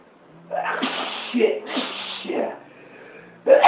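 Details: Two loud sneezes in quick succession, each with a sharp intake before, then the start of another; adult with a cold for about three days.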